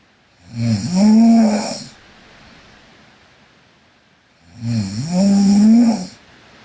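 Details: Two long, loud, vibrating snores on the in-breath, separated by quiet pauses, from a sleeping young Korean woman; typical snoring during sleep.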